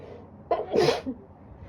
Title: 冬 風邪 🚺 ￤ winter cold sneezing